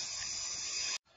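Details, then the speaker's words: Arthroscopic drilling in a 56-year-old woman with varus deformity and bone-on-bone medial compartment degeneration, drilling the tibial plateau at an angle about 1 cm deep via a high portal; steady high-pitched watery hiss under irrigation, stopping abruptly. "So we're starting to drill now. So this is drilling at an angle, about one deep, about one centimeter, and leaving about 0.5 centimeter to 1 millimeter apart."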